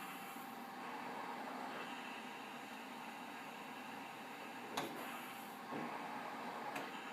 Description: using cough assist for Study